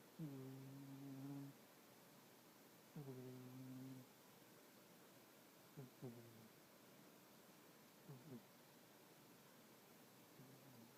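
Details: A sleeping cat snoring: soft, humming snores with gentle rhythmic breaths, about 24 a minute, in a quiet room.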